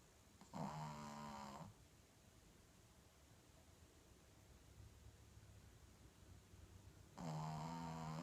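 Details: Two short, vibrating snores about six seconds apart, with quiet breathing between them: snoring.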